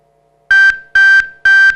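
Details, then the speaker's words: Three identical high-pitched electronic beeps from a glucose monitoring app alerting to high and low blood glucose. "este esta aplicación nos da alertas de la glucosa cuando tenemos una alta y un baja de la de la glucosa y nos nos señala con com pitidos por ejemplo esa es la alta y la baja"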